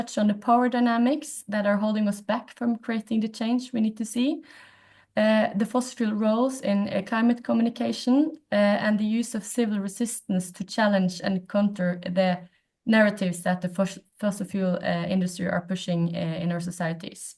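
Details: Adult woman speaking; normal speech.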